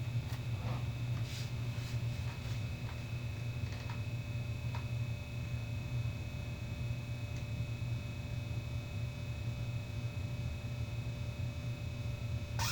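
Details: Vintage GOMCO surgical vacuum aspirator pump running during a repair test: a steady low motor drone with a faint whine and a few clicks, with its automatic shutoff being tested.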